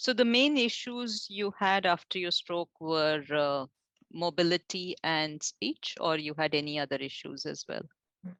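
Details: Adult woman (interviewer); normal speech.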